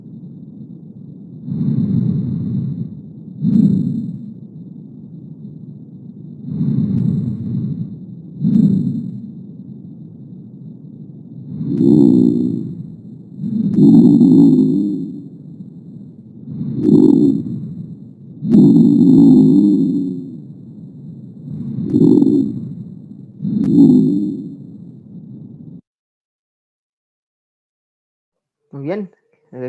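Low-pitched, rumbling, snore-like sounds come with each breath in and out, about 12 breaths a minute: rhonchi.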